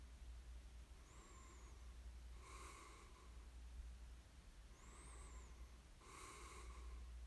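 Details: Snoring during sleep: soft, snorty sleep breaths with a faint whistle on some breaths over a steady low background hum; light snoring.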